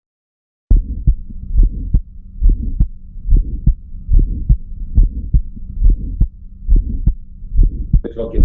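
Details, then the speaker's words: Child: regular heartbeat near 70 a minute with a sharp early systolic click and a soft systolic murmur, which some pediatricians report as a split first sound; ejection click with systolic murmur. "Estamos oyendo, estamos oyendo y algunos pediatras nos mandan, porque esto se oye, eh nos mandan eh la oscutación como desdoblamiento del primer tono."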